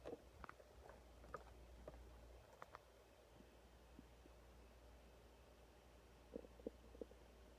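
Short bursts of gurgling and bubbling bowel sounds in two clusters over a steady low hum; ordinary stomach growling.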